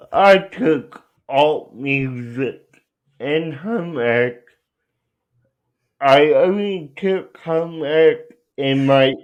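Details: Adult male speaker; dysarthria.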